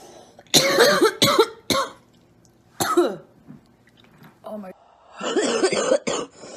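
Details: Several harsh coughs and throat clearing with voiced sounds between bursts, from a woman; plain cough.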